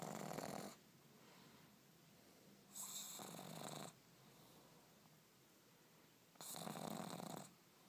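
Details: A pug napping while held in an arm: loud, harsh, rattling snores with whistling edges, about three in eight seconds.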